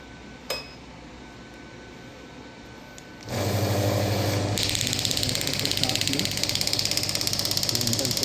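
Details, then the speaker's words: Pneumatic radial shockwave therapy (ESWT) handpiece demonstrated on a hand at about 4–6 bar, then raised toward the 12-bar maximum: compressor starts, then rapid regular tapping at about 200 per minute. "ये 12 बार तक यहां पे अभी मैं इसको आपको चला के दिखाऊंगा। बट 12 बार पे काफी ज्यादा इंटेंसिटी है एक छोटे टिश्यू एरिया के लिए।"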